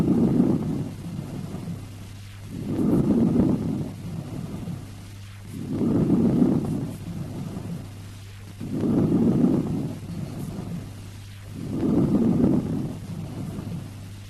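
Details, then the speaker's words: Normal vesicular breath sounds: soft, low rustling breaths at about 20 a minute over healthy lung. "At this stage, let us revise the various breath sounds that we have heard. Vesicular breath sounds."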